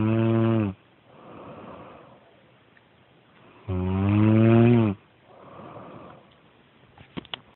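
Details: Loud, deep rattling snores on each breath in, with quieter breathy exhalations between, recorded around 3 a.m. while a listener could not sleep; heavy snoring.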